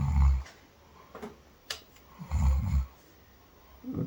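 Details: Voluntary snoring test with a vacuum activator oral device activated: three short, low, rattling snore-like bursts with quiet gaps and faint clicks in a small room; deliberately imitated snore.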